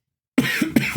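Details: Person sounding sick and repeatedly clearing the throat; two short, throaty coughs after a moment of silence: cough.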